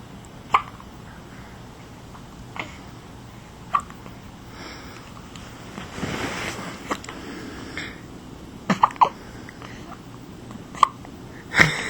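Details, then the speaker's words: Infant girl hiccuping repeatedly, short sharp clicks about every one to two seconds over quiet room noise, legs moving. "she's got the hiccups and look at the little legs look at the little legs"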